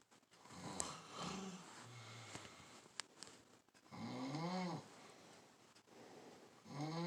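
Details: Rough, rumbling snores alternating with high, whistling squeaks on some breaths, with quiet room noise between them: snoring.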